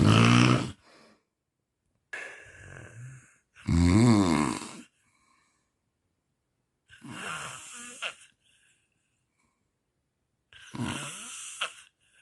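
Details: Loud, rattling snores on inhalation, about five in twelve seconds with pauses between; heavy snoring associated with sleep apnea, from a compilation recorded over four nights of sleep.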